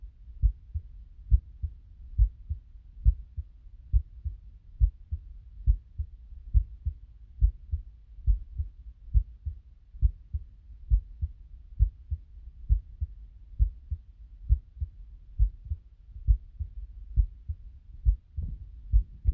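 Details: Own heartbeat recorded with a phone (faint; headphones needed): steady, regular low heart thumps at about 68 beats a minute; normal heartbeat.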